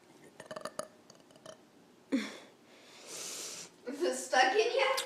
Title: More burping(: